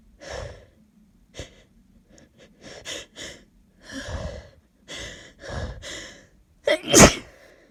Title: Snotty cold sneezes